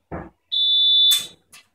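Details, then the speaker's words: Short rustle, then one steady high-pitched tone of about half a second from a PC 903 neonatal/paediatric ventilator, after two consecutive cycles without a patient breath, in a demonstration: ventilator apnea alarm. "If कंसेक्युटिवली for to cycles if the patient dozen breathe the machine will give य an alarm off patient in"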